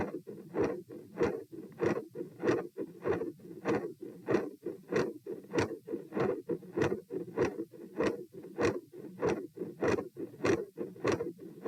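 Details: Heart sounds recorded at position P during a stress test (lying, sitting, standing, bobbing; 72–114 bpm): a rapid regular beat about 97 a minute, periods of continuous machinery murmur, and high-pitched clicks.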